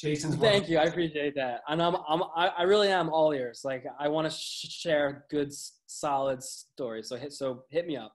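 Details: Adult male with a lifelong stutter; stuttering.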